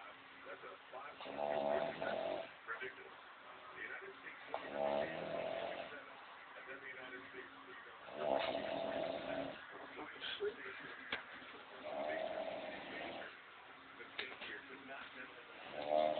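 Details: Adult man snoring while asleep, though he denies snoring: repeated rough, rattling breathing noises from the throat and soft palate, roughly 18 a minute; snoring.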